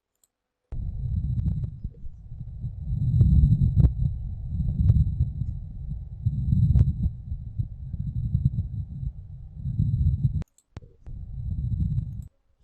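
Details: Pleural friction rub heard with a stethoscope placed on a patient's chest, presented as a breath sounds teaching example.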